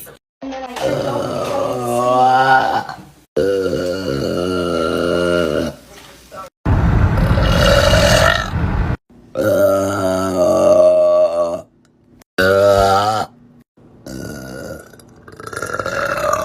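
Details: Adult woman (mother) burping hard, who says she sometimes swallows air: several long, loud, voiced belches separated by short pauses; repeated forceful burping.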